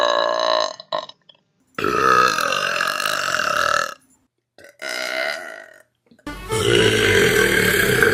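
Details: Compilation of favorite YouTube burps: several long, loud, voiced belches with brief silences between them; repeated burping.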